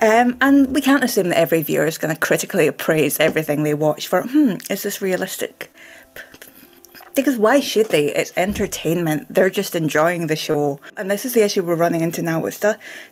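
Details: Real stammering in a woman who stammers.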